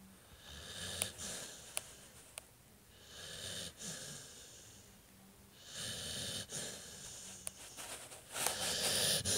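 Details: Snoring from a sleeping animal, called a good boy by its owner, who then wakes it with affection.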